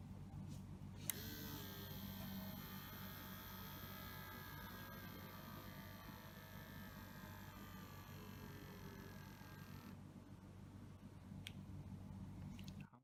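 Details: Citizen CH452/CH453 upper-arm blood pressure monitor during repair testing, adjusting the deflation rate: steady pump hum with a beep, then the motor stops and the cuff releases air.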